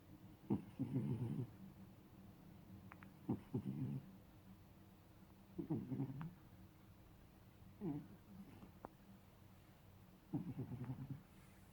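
A sleeping cat snores with short, rumbling, fluttery sounds about every two and a half seconds.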